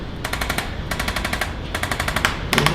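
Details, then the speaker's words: ArthroStim handheld adjusting instrument used on a woman's first chiropractic visit, run from the base of the occiput down to L5–S1 and sacrum before adjustment: bursts of rapid mechanical tapping, about five to ten clicks each, to relax the joints. "go ahead and start off with the ortho stem this is a device that helps release some of the tension within the joints before the adjustment"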